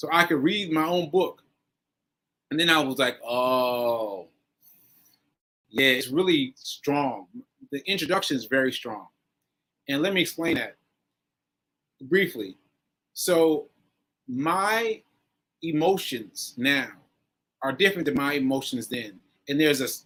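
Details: Adult man with aphasia after a stroke on 7/14/22, recorded 7/4/23 while still recovering; aphasia.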